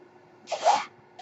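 A single soft rushing puff of air rises and fades within half a second against a quiet room: a mechanical ventilator breath cycle.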